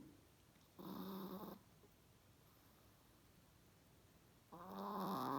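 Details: Adonis, a Chihuahua, sleeping after a long busy day, gives two rattly, buzzing snores separated by a quiet pause; ordinary snoring.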